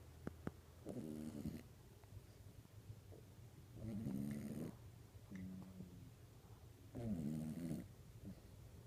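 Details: Sleeping dog snoring like a human: three rough, rattling snores on the in-breath over about nine seconds, roughly 20 breaths a minute, with quiet breathing in between.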